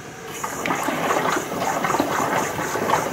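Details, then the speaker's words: Chest drain suction bubbling: continuous gurgling, rolling bubbling in the suction control chamber of a Pleurevac infant chest drainage system, set at 20 cm water with wall suction on, during a NICU in-service demonstration; expected finding. "now what you can see if we go back to kind of going over our chambers is a nice rolling bubble in this suction control chamber"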